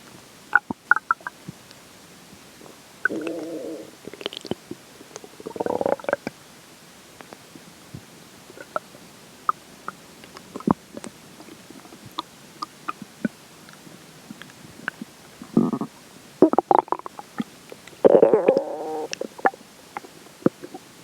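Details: Quiet gurgling and bubbling bursts with brief low rumbles over faint clicks: stomach growls during digestion, recorded after water and air intake.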